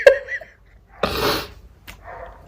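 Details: A brief breath intake, then one explosive, noisy burst of air and a short quiet exhale: a single ordinary sneeze from a girl.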